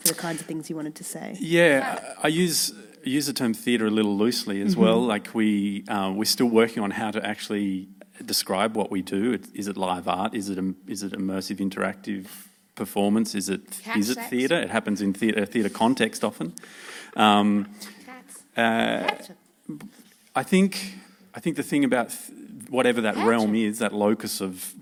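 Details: Adult male speaker; normal speech.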